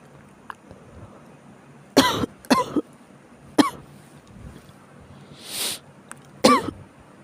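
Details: Four short, harsh cough bursts from an adult, with a quiet indrawn breath before the last one; an ordinary cough in a person with chills.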